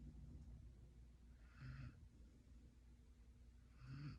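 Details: Puppy sleeping after Thanksgiving dinner in a food coma: soft, low breathing with a faint buzzing snore on two breaths over steady room hum; light snoring in a sleeping dog.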